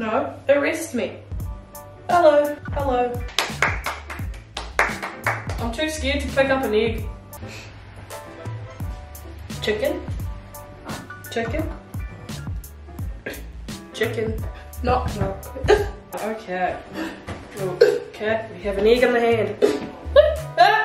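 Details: Tourette syndrome vocal tics in a woman with self-reported Tourette's, with repeated interjected tic words while cooking.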